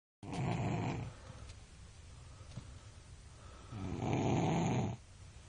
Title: FUNNY!! my 3 yr old son snores really loud